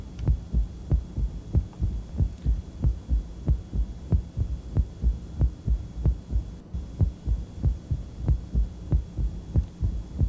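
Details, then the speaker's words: More severe mitral stenosis in a somewhat tachycardic patient: a fast, regular heartbeat near 95 a minute with a low rumbling diastolic crescendo murmur at the apex, softer than a milder case. "so let's listen to another example of it this case a little bit more severe mitral stenosis"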